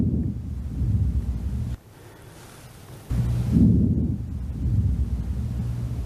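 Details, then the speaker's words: Stethoscope auscultation at the lung apices during a nursing respiratory assessment: soft, low rustling breath sounds, normal vesicular breath sounds. "At the apices of the lungs, you will hear vesicular sounds."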